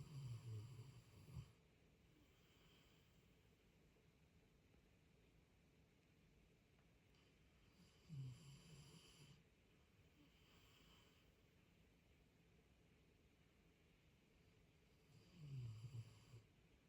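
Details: Snoring at 4 a.m. keeping the listener awake: three low rumbling snores about seven seconds apart, roughly 8 to 9 a minute, in a quiet room.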